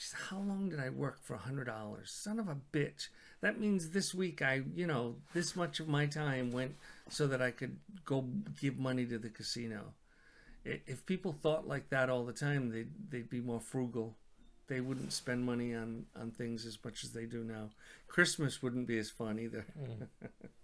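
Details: Adult man; normal speech.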